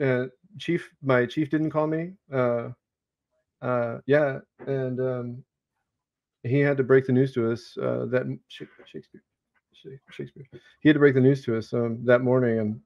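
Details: Adult male Navy veteran whose Tourette syndrome developed during service, a repeated single-word vocal tic occurring while he speaks: vocal tic (Tourette syndrome)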